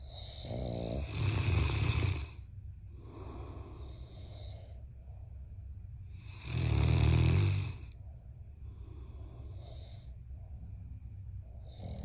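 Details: Loud rattling snores on breaths in, about five seconds apart, with quieter breathing and softer snoring between, from a giant Mastiff puppy and a husband snoring together; snoring.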